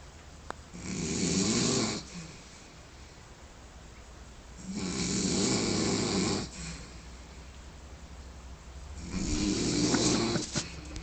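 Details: Loud, harsh snores on each inhaled breath, about 15 a minute, with quiet gaps between, in a sleeper after a big one; heavy snoring.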